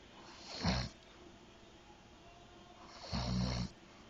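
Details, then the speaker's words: Two loud, low, rattling snores about two and a half seconds apart with quiet breathing between, from a sleeping husband while his wife talks to him; ordinary snoring. "baby you're snoring you're so cute"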